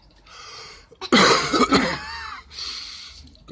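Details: Adult outdoors near a burning cemetery, with smoke and ash in the air, breathing hard and eyes watering, gives a loud, harsh burst of two or three quick coughs: cough from smoke inhalation.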